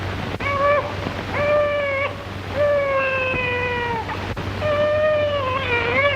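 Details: Newborn delivered by low cervical cesarean section (laparotrachelotomy) with forceps in a 1936 hospital film: four strong, clear, high-pitched cry bursts over a steady low hum; vigorous, healthy newborn cry.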